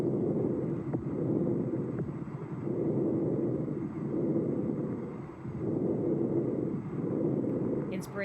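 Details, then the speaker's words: Medium-pitched breath sounds at the first and second intercostal spaces and between the scapulae, inspiration and expiration equal in length and loudness with no gap, about 20 breaths a minute: bronchovesicular breath sounds. "so it's medium pitched inspiration and expiration are equal in length and loudness"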